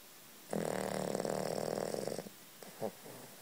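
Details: Monkey snoring while sleeping with eyes open and tongue out: one long rattling, snorting snore lasting almost two seconds, then a short faint breath; snoring.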